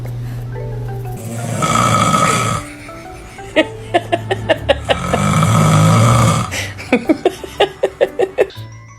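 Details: Two long, loud, rough snores, each followed by a run of bright toy chime notes; snoring.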